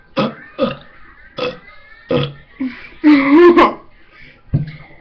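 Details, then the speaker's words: Burping after drinking lemonade: six or seven short, low, gurgling burps at irregular intervals, with one longer drawn-out belch; ordinary belching. "hello guys i'm gonna do another burp video i've got some of this strange drink i don't know what it is yeah it's called solo original lemonade"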